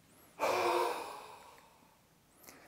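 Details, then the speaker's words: Forced expiratory technique phase of the active cycle of breathing technique for clearing lung mucus: after a full breath in through the nose, a single forceful open-mouth breath out (huff cough). "the next phase is the forced expiratory technique take a full breath in through the nose and then Force the air out through your mouth to create a huffing action"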